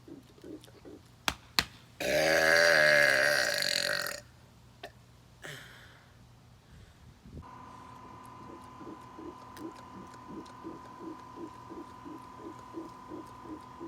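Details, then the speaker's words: Deliberate burping in a challenge comparing burps after 5, 10 or 20 air-swallowing pumps: one long, loud, drawn-out burp, then a shorter one, with steady hum and room noise. "how that's gonna work is we're gonna do five pumps see how good the purpose then ten pumps Co get the purpose and then 20 pumps and see how good the burp is"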